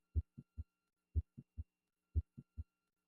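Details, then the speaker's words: Simulated heartbeat at 60 a minute from mitral valve prolapse, with a sharp click between first and second sounds, caused by abrupt tensing of the prolapsing mitral leaflet in mid-to-late systole, followed by S2; midsystolic click. "The mechanism of the click is abrupt tensing of the prolapse portion of the mitro valve during mid to late cy. This is similar to the popping sound created by a sail or parachute just as it reaches the point of full expansion."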